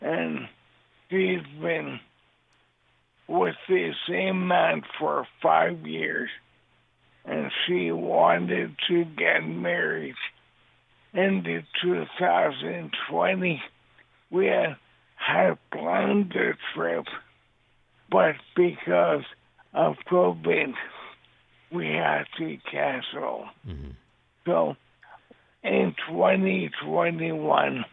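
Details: Dysarthria from ALS in a man living with the disease since diagnosis in 2014; his voice is affected, and he also uses a synthesized voice.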